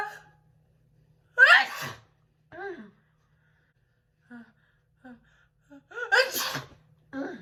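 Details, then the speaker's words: Woman sneezing for a requested personalized video: two forceful sneezes, each preceded by catching in-breaths, with short gasps between; repeated sneezing. "you guys haven't done these in a lot i know a while so like i'm having a lot of sneezes"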